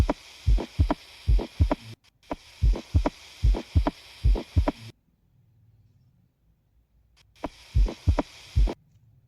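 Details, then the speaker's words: Normal heart sounds S1 and S2 heard together: regular paired lub-dub thumps about 74 a minute, S1 from closure of the AV valves at the start of systole, S2 from closure of the semilunar valves at its end. "जब construction complete हो जा आती है तो क्या होती है closure होती है सेमलर वॉल्स की और तब ये आपको साउंड प्रोड्यूस होता है साउंड को मैं अटैच कर रही हूं यह साउंड आप s1 s2 इकट्ठे से सुनेंगे"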